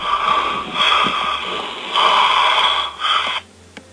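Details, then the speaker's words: Patient's sleep recording: after an obstructive apnoea with the patient struggling against it, several loud, rough, snorting breaths in quick succession then quiet, a noisy resumption of breathing with a micro-arousal. "Vous voyez le patient qui essaie de lutter contre l'apnée. Et puis il y a une reprise respiratoire bruyante avec un micro-éveil."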